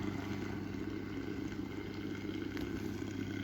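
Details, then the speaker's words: Steam vaporizer, used for facial steaming, running just after being plugged in: steady electrical hum with a low rumbling hiss as the water begins to boil. "यह मैंने wire लगा दिया है आवाज़ ए रही है बोल होने की आवाज़ होने लगा है"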